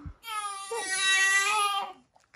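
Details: Newborn girl with a snotty nose struggling to bring up wind: a single sustained, high-pitched wailing cry lasting about two seconds, from discomfort with trapped wind, as a husky looks on.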